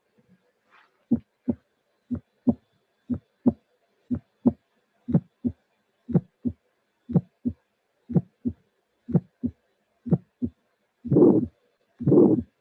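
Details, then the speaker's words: Simulated bicuspid aortic valve stenosis at about 60 beats a minute: a low-intensity first sound, then a high-frequency ejection click and a harsh systolic ejection murmur. "But what I want to emphasize is that this is the first sound, this is the first sound, this is the first sound, and as you can see, the intensity is low, but when the click will appear, there is high frequency sound."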